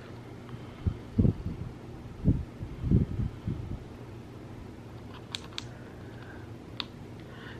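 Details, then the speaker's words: Adult woman with severe sleep apnea on her second night of CPAP with a nasal mask, machine switched on while she talks: soft steady airflow hum with a few handling thumps and light clicks. CPAP machine running. "so it's weird talking when it's on because it's literally forcing air down my throat um to keep me breathing"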